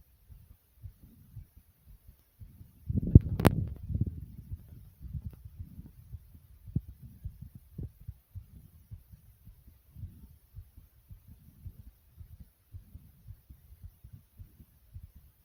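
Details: Short recording of own heartbeat described as fast yet soft: soft, quick low thumps of an adult heartbeat, with a brief rubbing noise near the start; fast heartbeat.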